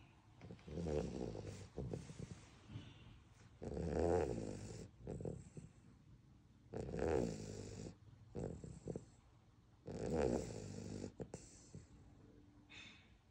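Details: Beagle puppy sleeping and snoring: rhythmic snores about 19 breaths a minute, each a long rough snore and a shorter snort.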